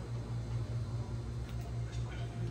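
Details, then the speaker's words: Dog, stethoscope on cardiac apex while femoral pulse is palpated: rapid, regular low thumps; high heart rate judged normal, lungs clear without wheeze or crackles; normal canine heartbeat. "com esse aqui eu vou colocar no Ápice cardíaco E aí se eu pudesse passar para vocês aqui mas você vai vai escutar o batimento dela aí"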